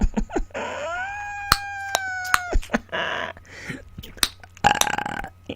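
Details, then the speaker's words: Voluntary belching on command with nothing eaten or drunk that day: several loud, drawn-out belches, one with a long rising-falling tone, in a quiet room; the person reports recently getting hiccups when burping. "so I haven't had anything to eat today haven't had anything to drink today so these are just normal burps that I need to get on my body out"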